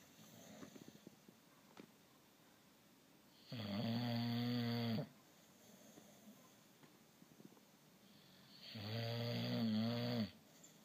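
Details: Sleeping baby snoring: two long, rumbling snores on slow breaths in, about 11 a minute, with quiet breathing between them; snoring.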